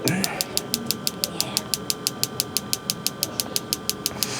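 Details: Focused shockwave therapy on a man's knee for chronic patellar tendinopathy, at higher-than-mild intensity, patient reporting pain on a 0-10 scale: steady sharp clicking pulses, several per second, over room noise and low hum.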